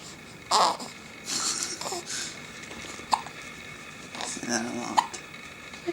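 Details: Small sharp catches of breath among soft baby noises and an adult's talk, from a two-month-old infant; infant hiccups.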